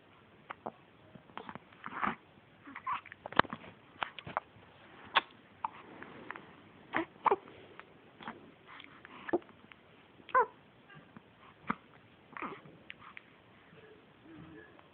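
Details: Very small baby girl with hiccups that won't go away: small, sharp, soft catches repeating every second or two, about forty a minute. Infant hiccups.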